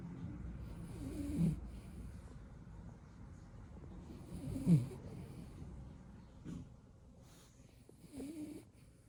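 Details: Blue beagle puppy snoring during a nap: soft, low snuffling snores with a few small snorts, irregular, about every few seconds.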